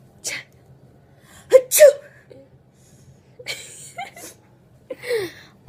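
A child acts out a run of short, sharp sneezes, each with a quick catch of breath and an explosive release.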